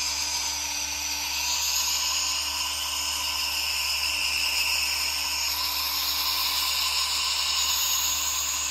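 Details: ASMR relaxation recording of a nebulizer running alongside a humidifier: a steady, unbroken hissing mist over a low motor hum.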